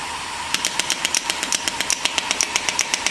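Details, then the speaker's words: Shockwave therapy machine demonstration, gel applied, hand-controller button pressed: rapid sharp slightly uneven clicking pulses at about 160 per minute from the handpiece over a steady machine hum; shockwave therapy device firing. "this is using test start press and start again so now we can start we can press the button"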